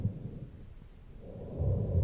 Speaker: in large Airways as seen in bronchitis